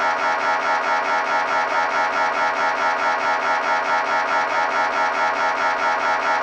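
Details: MRI scanner noise heard during imaging: loud, steady, rhythmic electronic buzzing pulses, about 140 a minute, without pause. This is a sample sound to prepare patients, including children, for a scan.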